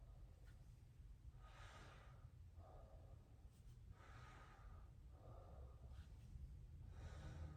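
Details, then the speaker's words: Auscultation of breath sounds on the posterior thorax during a head-to-toe physical exam: slow, deep, even normal breaths, each a soft airy rush, with low room rumble. "very good and that's osculation of breath balance on the posterior thorax"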